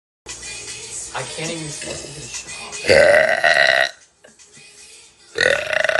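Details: Girl burping on a live stream: two loud, drawn-out voiced belches with music and cheering in the background.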